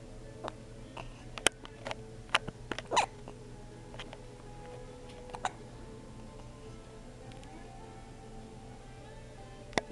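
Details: Infant waking up with hiccups: several sharp, brief clicking catches at irregular intervals over a steady low room hum.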